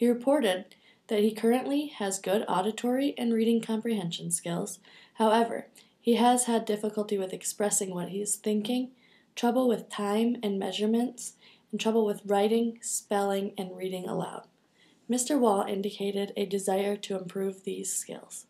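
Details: Adult woman (clinician); normal adult speech.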